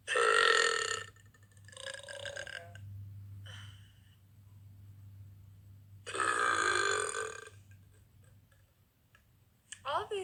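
Two long, loud voiced burps with a few shorter burping sounds between them, in a small quiet room.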